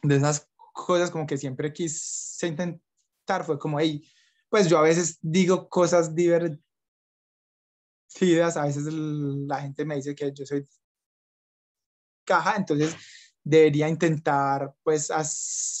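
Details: Young adult Colombian man, Spanish-speaking, who stutters and reports blocks and repetitions; stuttering.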